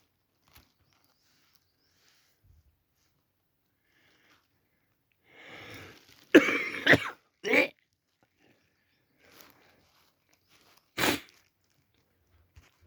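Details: Wet, chesty cough with loose bursts after strained gagging breath from an adult stuffed up with a cold, feeling nauseous; recorded on a Samsung Galaxy A40 phone.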